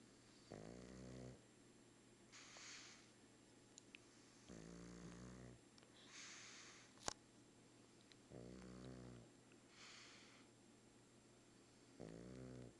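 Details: A sleeping pug snoring like a freight train: regular rumbling snores on the in-breath, each followed by a softer hissing out-breath, about five breaths a minute; snoring.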